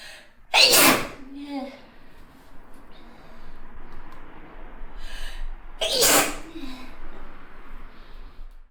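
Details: Two loud sneezes, each a sharp burst with a brief voiced tail, separated by quiet breathing and faint room noise.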